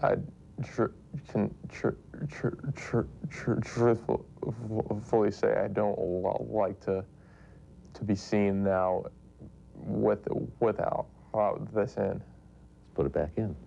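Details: Stuttering with sound and part-word repetitions in a 19-year-old male who has stuttered since toddlerhood, speaking after removing his SpeechEasy anti-stuttering device.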